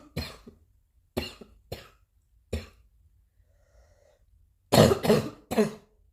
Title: new cough 2